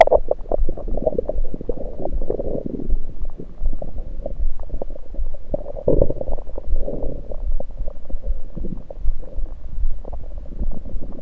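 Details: Abdominal bowel sounds recorded with a USB electronic stethoscope after only liquids, not during digestion: continuous low gurgling and bubbling rumbles, active bowel sounds.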